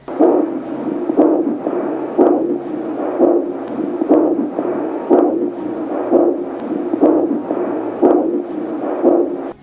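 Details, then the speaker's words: Home fetal Doppler probe on a pregnant woman's abdomen picks up regular whooshing pulses at about 60 a minute, the rhythm matching her own heartbeat: maternal abdominal artery pulse, not the fetal heartbeat. "腹部动脉节奏和妈妈的心跳一"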